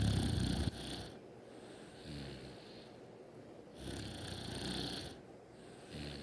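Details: Sister snoring: rough, rhythmic breathing in sleep with a low snore on each breath, about every 2 seconds, over room noise.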